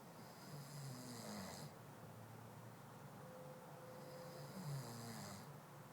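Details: Male partner snoring: two rough, low snoring breaths a few seconds apart, each with a hissy airflow edge; ordinary snoring.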